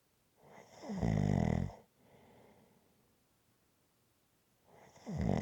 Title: Rhythmic Snoring Sounds ZZzzz